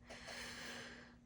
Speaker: all right so let's go to today and if you can hear my dog snoring oh God